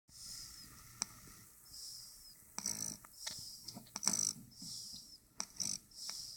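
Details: A dog snores softly, with airy, hissing breaths repeating in a steady cycle and a few small clicks: snoring.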